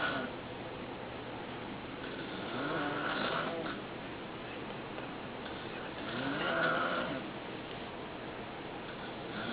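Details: Adult man (a father) snoring during sleep, audio only: two rough, fluttering snores on slow breaths, about 16 a minute, over steady room hiss.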